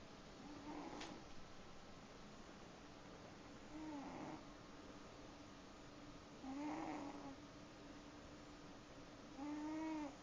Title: Snoring cat